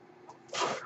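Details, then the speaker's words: Quiet room then a sudden rushing hiss of air as the speaker's own mechanical ventilator delivers a breath. "my name is that noise you're hearing is my ventilator"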